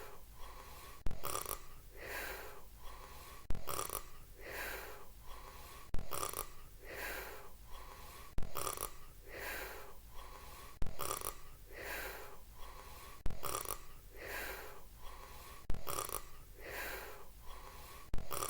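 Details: Cat snoring in sleep: steady, regular breaths about 25 a minute, each with a soft snort and a raspy, airy sound; snoring.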